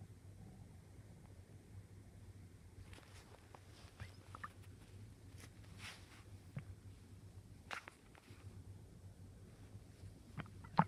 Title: My stomach making weird sounds